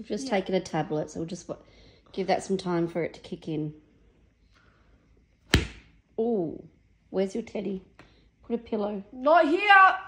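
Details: Adult caregiver; no disorder (caregiver).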